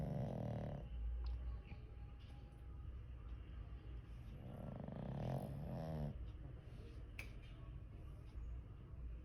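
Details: Sleeping pug dog snoring: low, rattling snores and snorts with a steady low room hum behind.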